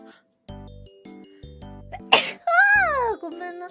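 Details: Sneeze from a VTuber.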